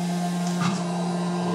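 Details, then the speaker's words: Steady low motor hum with a brief airflow shift from a Seoil Pacific Comfort Cough mechanical insufflator-exsufflator in manual mode, demonstrated cycling inhale, exhale, pause via button press, pressures only set. "Ручной режим работает точно так же, просто нажмите эту кнопку. Мы делаем вдох, выдох, паузу."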